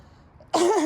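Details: Adult woman working in her garden, preparing planters: after a quiet moment, a single abrupt, forceful voiced cough or throat clear.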